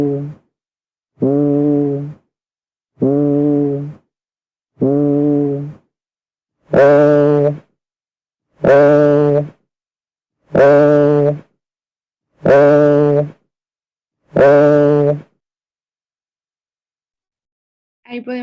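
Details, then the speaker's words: Egophony on chest auscultation, comparing a patient speaking normally with one who has a pathology: eight sustained voiced sounds, the first four muffled and low, the last four brighter, nasal and bleating, the high-pitched, tremulous altered voice transmission. "que en esta se modifica la voz que el paciente está transmitiendo. Suele de ser de un carácter agudo y tembloroso."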